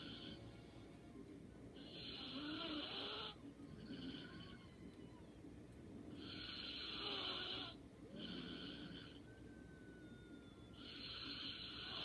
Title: Light snoring and sleeping soundly😴